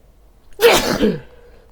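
A single sharp sneeze with a quick intake and explosive release, quiet room around it. Ordinary sneeze.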